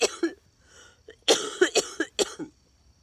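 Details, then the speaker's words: Cough in cystic fibrosis: a run of about six harsh, wet-sounding coughs in quick bursts with a throat-clearing quality, in a woman with cystic fibrosis coughing at night despite breathing treatments and inhalers, who suspects sinus drainage contributes. "some of it feels like I've really bad sinus drainage as well and that always makes you cough so I wonder if that has a lot to do with it but it was very rough"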